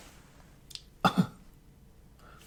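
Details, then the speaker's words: Voluntary cough from an adult man with abdominal pain and vomiting, turned onto his side and asked to cough during a roleplay abdominal exam checking for umbilical hernia: brief two-part cough, faint voice afterward. "One more thing I wanna check Can you turn over to this side and cough?"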